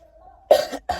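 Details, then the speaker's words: Adult with an ongoing cough after being sick gives two sharp, harsh cough bursts in quick succession after a faint low tone: cough. "I have this cough and um I have this cough um from being from being sick. Um hence you can hear it."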